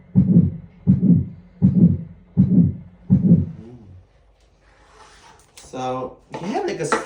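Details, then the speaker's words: Patient with obesity background, regular heartbeat near 80 a minute with a harsh systolic crescendo-decrescendo murmur starting just after S1, peaking mid-systole, as the aortic valve does not open properly: aortic stenosis murmur. "St that's is when the hot like got a problem this called altic stenosis the the AV Val does not open properly like the blood is fought through a narrow opening and it start with a small and then increase the maximum of the middle of the size"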